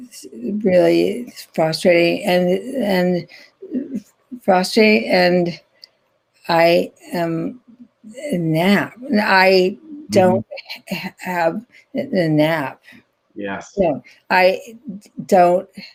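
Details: Adult woman, stroke survivor since 2010 with ongoing rehabilitation therapy; post-stroke non-fluent aphasia.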